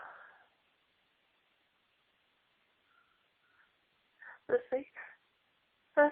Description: Lots of sneezs during a fit where I was announcing I was gonna sneeze